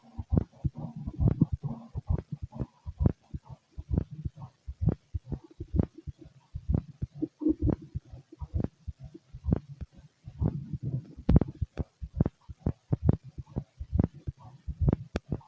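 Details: Fit male, heart auscultated with a stethoscope during digestion after a meal; heartbeat about 66 a minute with low rumbling and rubbing noise between beats; normal heart sounds.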